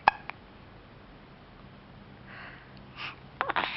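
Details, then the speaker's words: Hiccups: a few short, abrupt clicking catches of breath with soft breathing and some movement noise. "do you have a hiccup?"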